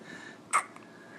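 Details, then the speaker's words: A baby girl with the hiccups: one short, sudden catch of breath with a faint after-click against quiet room noise, a single hiccup. "Have the hiccups. Silly girl."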